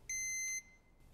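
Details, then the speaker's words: Flocare Infinity enteral feeding pump on battery power: a single high-pitched half-second electronic beep, the low-battery alert repeating every 3 seconds when about 1 hour of battery remains. "The battery symbol will begin to flash when there's 1 hour of battery life remaining. In addition, the pump will beep every 3 seconds."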